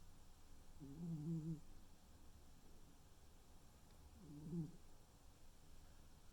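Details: Tuxedo cat sleeping: two soft, low, fluttering snores about three seconds apart over quiet room noise; a sleeping cat's gentle snoring.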